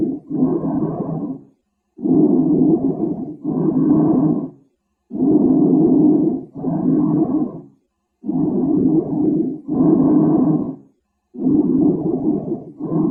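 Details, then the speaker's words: Loud, rushing breath sounds through a stethoscope in paired in-and-out phases with brief pauses, about 19 breaths a minute. Normal breath sounds, vesicular and bronchial. "Jadi untuk suara nafas yang normal tadi kita sudah dengarkan ada yang vesikular dan juga bronkial"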